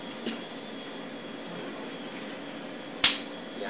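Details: Single sharp crack over a steady machine hiss, with a faint click earlier, from a shockwave lithotripter; lithotripter shock.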